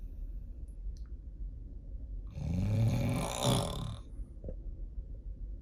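One loud, coarse, rattling snore on a single breath, with a low steady hum in the background.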